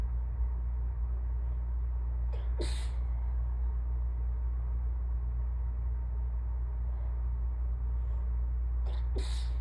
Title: Nope, not done! Allergy sneezing fit part 2